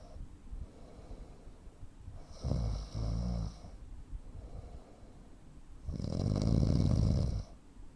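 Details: Snoring with breathing pauses typical of obstructive sleep apnea in a 43-year-old man (85 kg, 165 cm), real recording: loud, low rattling snores separated by quieter gaps of breathing noise.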